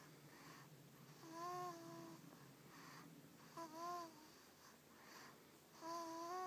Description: My 6-week old baby-boy snoring in my lap.